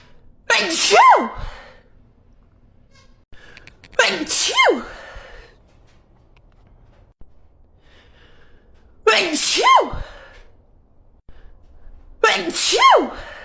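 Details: Girl with allergies having a sneeze attack, allergy medicine mentioned: four forceful sneezes in a row, each with a sharp voiced burst, a few seconds apart, a repeated sneezing fit.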